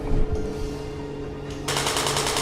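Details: Radial compressed-air shockwave therapy device applied to a man's back: rapid, loud, harsh repeated clacking pulses like a burst of gunfire as the device fires.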